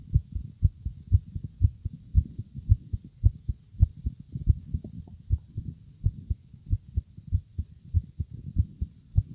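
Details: Man's heart heard with ear on his chest, nervous after listening to his girlfriend's heartbeat: strong, rapid low thumps, roughly 115 to 120 a minute; fast, pounding heartbeat.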